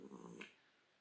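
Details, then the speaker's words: Cat lying on a table, resting and watching, snoring and purring at once: low, fluttering mixed purr-snore rumble ending in a soft catch. "Voilà, je suis désolée, vous entendez peut-être sa Royale Majesté ronfler derrière la caméra, vu qu'elle est, elle est allongée sur la table, elle me regarde, me toise de toute sa grandeur, et elle ronfle. Ouais. Enfin, elle ronfle, elle ronronne et elle ronfle en même temps."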